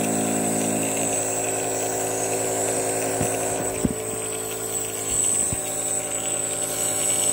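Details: Newly bought home nebulizer compressor running: continuous buzzing motor hum with a few knocks and handling sounds.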